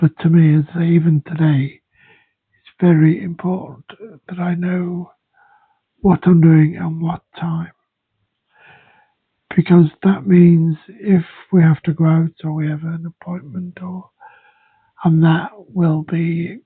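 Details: Man with aphasia/dysphasia affecting speech and language, including reading, after his second stroke; aphasia after stroke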